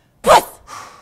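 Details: Spirometry test, patient coached to take the largest possible breath then blow out: sudden hard forceful blast tailing into longer softer blowing, with continued pushing urged; forced expiration during spirometry.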